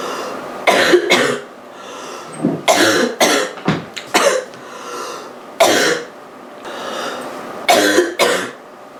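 About eight harsh, rough coughs, some in pairs, with noisy breaths between; a rough cough from a common cold.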